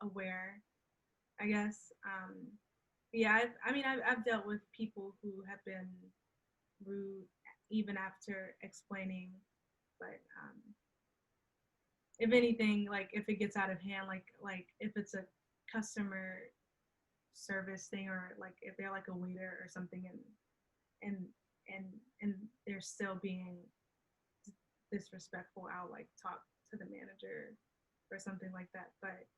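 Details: Adult woman who stutters and says she can hide her stuttering well; real stuttering in a conversational interview.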